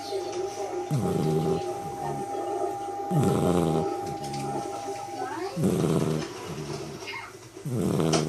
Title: Black Labrador puppy Snoring